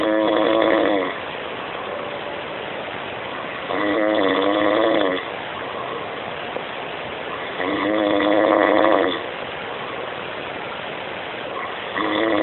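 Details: Loud, rough snores on each breath in, about 15 a minute, with quiet breathing out between them; ordinary heavy snoring.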